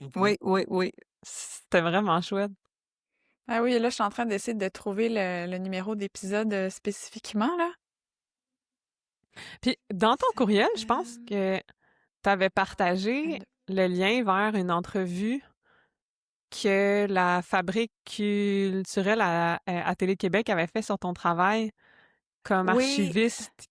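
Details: Adult woman who stutters, a member of a stuttering association since 2015; stuttering.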